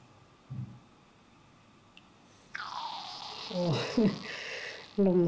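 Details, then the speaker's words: Bowel sounds (borborygmi): a drawn-out gurgling stomach growl with sliding squeaky tones from a woman during a Thai traditional bloating abdominal massage for inner wind disorder (women 40+ treatment), from gas and fluid moving. "You should feel hungry soon [ My stomach growling ] Take a deep breath OK"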